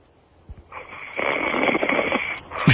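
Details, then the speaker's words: Loud, rough, rattling snore on an inward breath from a man sleeping on air during a radio show, snoring regular without pauses; listeners joke about sleep apnea; snoring. "My My father snores like that. My mom My mom figured out she's gonna sleep head to toe."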